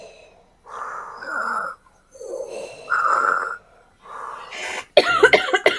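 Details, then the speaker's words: Adult reports wheezing badly for the past couple of days: three drawn-out, rasping wheezy breaths or coughs, then a short burst of harsh coughs. "I have not because I've been giving my lungs a break because I've been Okay, wheezing really bad the past couple of days."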